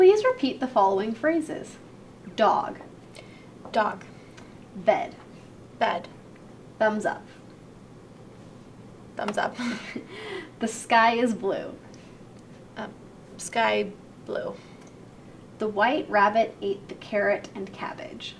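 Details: Adult clinician giving instructions, with a second voice echoing; clinician speech.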